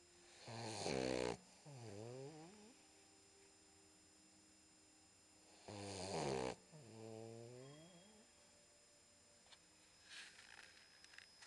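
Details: Two loud snorting snores on the in-breath, each followed by a whistling, wheezy out-breath, from a sleeping 10-week-old Boxer puppy in a quiet room, recorded at low volume; snoring.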